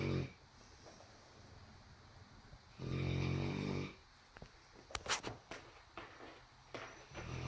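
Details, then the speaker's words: Dog snoring in sleep: a single loud, rumbling inward breath, followed by quieter snuffles and small sniffs. "Lola, were you sleep? Were you snoring? Were you snoring?"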